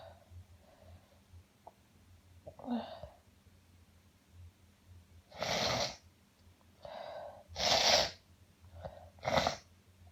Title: Uncontrollable Sneezing Fit